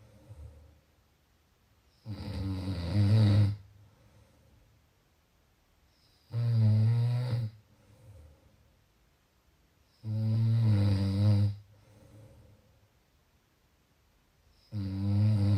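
Loud, rough, low snores on breathing in, about 15 a minute, with quiet pauses between them. Ordinary heavy snoring.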